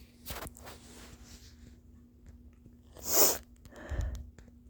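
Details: An adult with early-morning nasal congestion, blamed on the Texas weather, blowing the nose: loud, hissing, squeaky, wet bursts.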